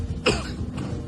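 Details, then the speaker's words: Simulated cough in an acted skit: an adult with a cough since yesterday gives one short acted cough against faint room noise. "kenapa batuk? Saya tidak tahu, sudah dari kemarin batuk ini."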